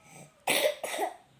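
Two harsh cough bursts from a child, the first strong and the second weaker, in a quiet room.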